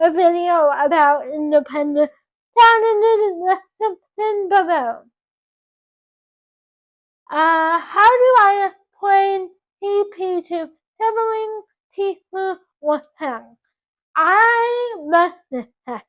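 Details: 24-year-old woman with cerebral palsy caused by loss of oxygen to the brain during birth; doctors had told her parents she would never talk, and she now talks; dysarthric speech in cerebral palsy.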